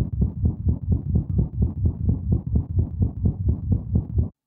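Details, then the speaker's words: Cat heart murmur through a stethoscope: fast, regular heartbeat near 128/min with a whooshing, swishing sound blurring each beat instead of a steady lub-dub. "Normally a cat's heart sounds like a steady loved dub loved dub. But with a murmur, we hear a whooing or swishing sound."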